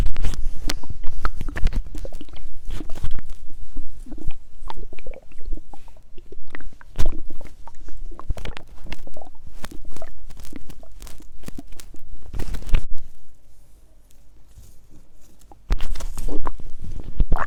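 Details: Stomach growling described as hungry, with water: loud, busy gurgling and sloshing with popping bursts and a brief quieter gap; active bowel sounds from fluid and gas.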